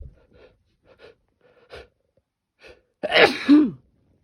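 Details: Sneezing through an N95 mask, triggered by the mask's nose pinch making the nose itch: a few quiet breaths, then one loud explosive sneeze with a brief voiced tail.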